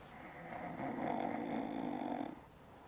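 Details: Sleeping woman snoring: a single long, rough, fluttering breath lasting about two seconds.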